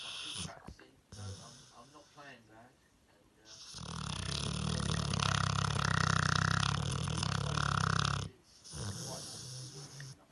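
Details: Sleeping dog that snores a lot gives a long, loud, rumbling snore between quieter snuffling breaths, with faint talk in the background.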